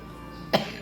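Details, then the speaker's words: Adult with mucus in the airway that nearly chokes them: one brief, deep productive cough burst over faint background hum. "And uh I tell you that mucus be always about to choke me."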